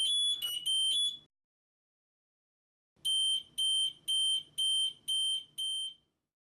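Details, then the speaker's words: Spirit hospital bed (SpiritSelect) exit alarm: holding the chime button 5 seconds cycles alarm songs; high electronic chimes, a short tune, a pause, then six evenly spaced beeps. "Holding the chime button for 5 seconds will cycle through different alarm songs. Release the button to select a particular song."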